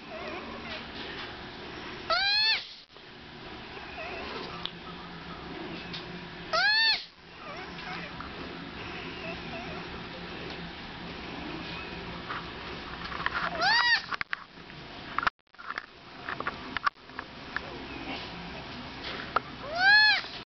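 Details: Baby sloth distress call: four short, high-pitched, squeaky cries from a baby sloth upset at being woken from a nap to be put with his mother to feed, over quiet room noise.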